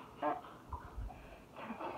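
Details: Teenage girl with Tourette's, vocal tics including swearing while answering a question; vocal tics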